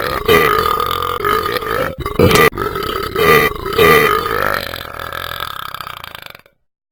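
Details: A long, drawn-out, rumbling belch from a dog, broken by a brief pause and fading out at the end. Burping.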